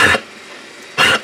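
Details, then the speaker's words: Coughing from a sick household pet (dog or cat, not specified) that is not feeling well and later hides under the bed. "iies you hear that coughing I sick come here eyes come on say hi I'm cing I'm a sick"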